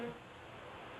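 Steady, dense buzzing hum filling the clip, a simulated bee-like tinnitus sound.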